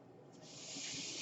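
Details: Speaker's own mechanical ventilator, heard in the background while they record a podcast; the breath cycle of the ventilator is audible.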